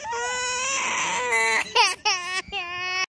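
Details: Young child crying because she wants to go back to the water: sustained, high-pitched wails broken by short gasping catches.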